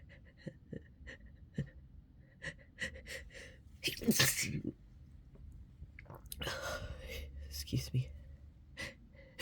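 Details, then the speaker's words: Several loud sneezes in a row building from sharp indrawn gasps, with quiet apologetic murmuring between them ("Sorry, I have to sneeze again, excuse me"); repeated sneezing. "Sorry. I have to sneeze again. Excuse me. Oh, sorry."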